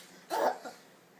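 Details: 21-month-old toddler: a single short, abrupt voiced catch of breath in a quiet room; hiccup.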